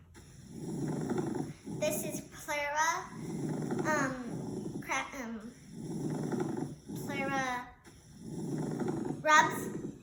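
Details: Pleural friction rub played in a children's pretend lung-sounds quiz, not a real patient recording.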